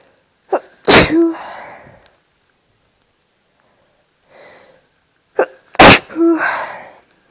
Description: This is all induced, I have no allergies or hayfever!